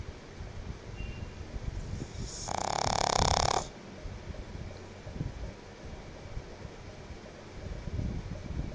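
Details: Female pet pug sleeping in air-conditioned cool after a long day: one loud, rough snoring breath against quiet room noise; snoring.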